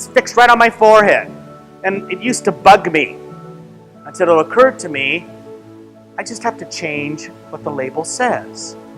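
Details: Adult speaker with background music; ordinary speech.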